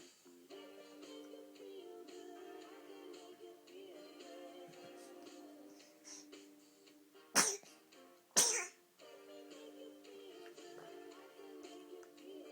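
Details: Baby boy, happy in the morning: two sharp, explosive sneezes about a second apart over background music; sneezing.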